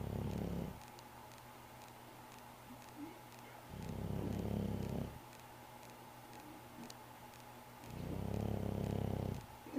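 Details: Snoring of Tank, a sleeping cat: low, rumbling snores at about 15 breaths a minute, separated by quiet pauses with faint room hum.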